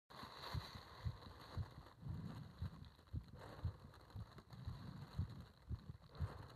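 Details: Heart sounds during paper-bag rebreathing, part 1: regular low thumps at roughly 115 a minute under steady breathing and rustling noise; fast heartbeat.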